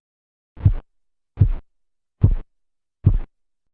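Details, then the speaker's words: Manual blood pressure measurement at the brachial artery: four regular low tapping sounds, about 72 a minute, heard as cuff pressure falls, phase 1 Korotkoff sounds marking systolic pressure in adults and children. "sonidos corresponden a la fase 1 de los ruidos de korotkov e indican la presión sistólica para adultos y niños"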